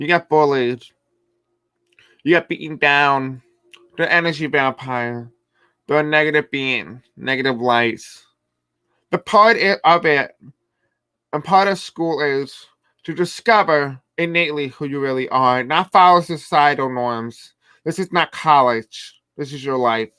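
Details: Male speaker who reports having a deaf accent and difficulty pronouncing certain words: deaf speech.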